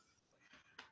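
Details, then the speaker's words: During a yoga stretch, with one knee drawn to chest and the leg dropped across the body, a faint rustle ends in one short, sharp pop; harmless hip joint crack. "hip just cracked you might feel that hear that it's okay snaps crackles pops they're always welcome here"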